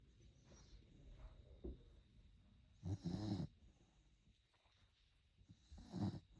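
Short snuffling snores from a sleeping puppy, two louder snorting breaths over six seconds against a quiet room; ordinary snoring.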